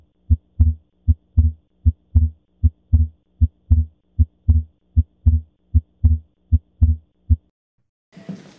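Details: Teaching recording: regular heart sounds at about 77 beats a minute with a faint steady hum, paradoxical splitting of the second heart sound (pulmonary before aortic), as in reversed electrical activation of the heart.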